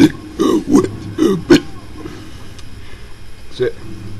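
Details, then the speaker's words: Deliberate burping of the alphabet: a run of deep, throaty belches shaped into letter sounds, then quiet. "but um i'm just gonna burp my abc's just for a hell of a bit"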